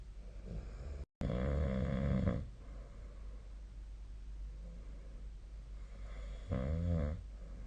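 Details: Sleep recording: two low, rattling snores on inhaled breaths with quiet exhalations between, over steady room hum; snoring.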